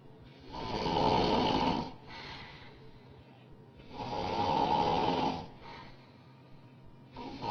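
Loud rattling snores on each breath in, about two in seven seconds, with quieter breaths out between them: heavy snoring.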